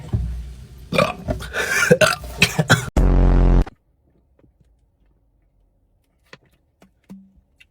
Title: Sprite challenge loudest burps 😭 #funny #shorts